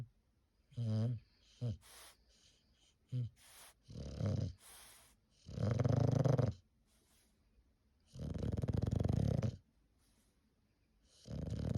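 Loud, rattling snores with each breath, about 20 a minute, plus snorting sounds; heavy snoring typical of a flat-faced dog.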